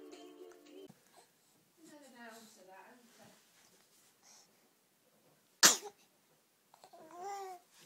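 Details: Baby sneezing while babbling and playing: one sharp, sudden sneeze burst between babbling; an infant sneeze.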